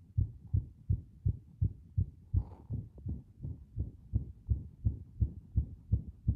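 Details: Video of a heart with strong arrhythmia briefly stopping: fast heartbeat about 165 a minute, mostly regular with a brief rhythm disturbance and momentary pause; arrhythmia.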